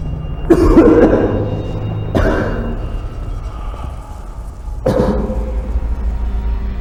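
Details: Acted coughing from a scene in the Korean drama film "Flu" (감기): three single harsh coughs a couple of seconds apart, with music underneath; cough.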